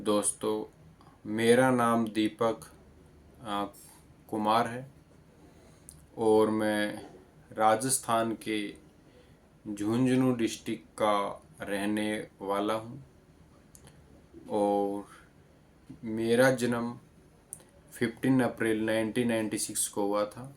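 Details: Adult man born in 1996 with stuttering since childhood. He has practised speech exercises for about 2 months with improvement, though some stammering may still occur when starting to speak.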